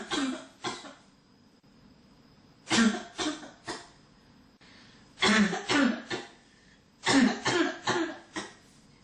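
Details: About a dozen harsh coughs in clustered bursts with short pauses between runs: a persistent cough from someone who cannot stop coughing.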